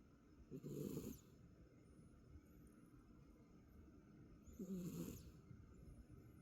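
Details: Sleeping dogs, recorded at Halloween 2024, give two rumbling, fluttery snores about four seconds apart, roughly fifteen breaths a minute, with faint room hiss between; snoring.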